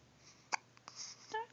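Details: Baby boy making brief, abrupt little catches of breath with a soft voiced sound at the end; infant hiccups.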